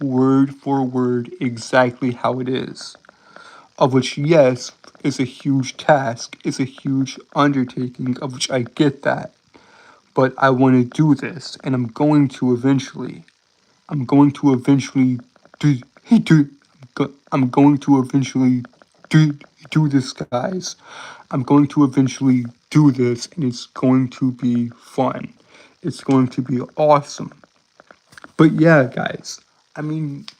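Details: Adult male with a self-described severe speech impediment causing stuttering and tripping over words; word and phrase repetitions; stuttering.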